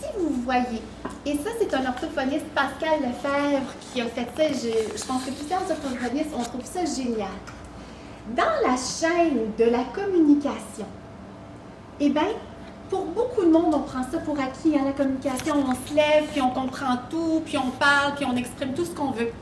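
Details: Adult woman speaking French; normal speech.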